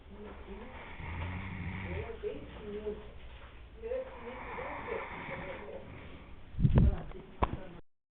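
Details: Man snoring while asleep at the beach: low, rough, rattling breaths repeating, with a couple of sharp noises near the end.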